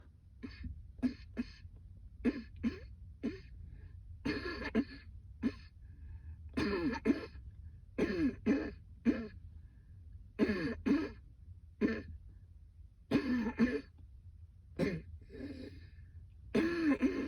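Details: Woman's persistent coughing fit on a rooftop, severe enough she couldn't go back to work: repeated harsh coughs in clusters, about a dozen bursts over seventeen seconds, with short pauses between.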